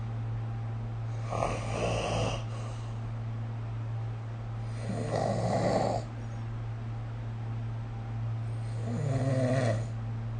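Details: Snoring during sleep, recorded with the SnoreLab app: three rough, vibrating breaths about every 3.5 seconds, roughly 17 a minute, over a steady low hum.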